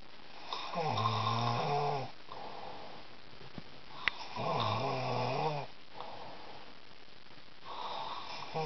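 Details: Man who thinks he doesn't snore, snoring heavily in sleep: loud, rattling snores on each breath in with quiet breaths out between, about 14 breaths a minute.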